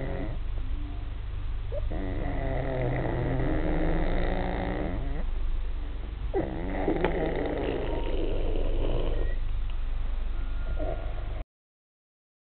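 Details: Adult man snoring during sleep, filmed to prove he snores: loud, rough, rattling breaths in long drawn-out cycles with a steady low hum underneath.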